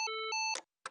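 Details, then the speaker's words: Short two-part electronic tone then a brief noise burst as a Physio-Control LIFEPAK CR2 AED in child mode delivers a shock during a CPR demonstration, prompting "Everyone clear. Do not touch patient. Delivering shock." "Everyone clear. Do not touch patient. Delivering shock."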